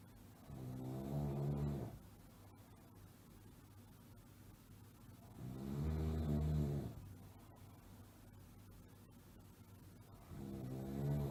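Regular low, rattling snores on each breath in, about 12 a minute, with quiet pauses between; ordinary snoring.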